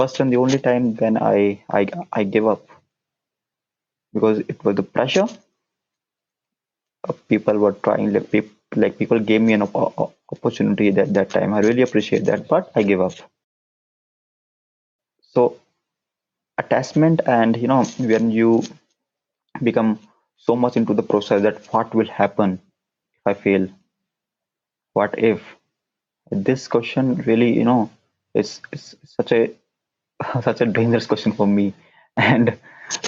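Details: Adult man who stammers, with onset around nine years old, speaking English; stuttering.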